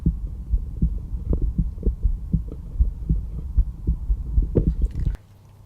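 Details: Stethoscope at the aortic area, second intercostal space right sternal border: steady, regular lub-dub heart sounds with no extra sounds; normal heart sounds.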